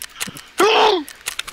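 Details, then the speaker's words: A man (Cody) gives an odd sneeze that listeners say sounded like choking or being in pain, not like a sneeze; a sneeze. "It didn't even sound like a sneeze. That sounded like he was like in pain or something."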